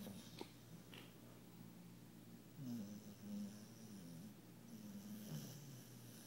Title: Funny Loud Snoring Zombie Alli Dog